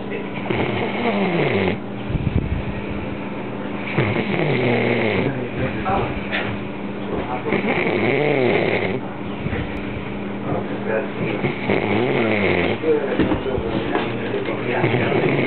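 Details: Man passed out drunk, an hour before work: repeated rattling, buzzy breathing sounds over steady background hum; snoring during sleep.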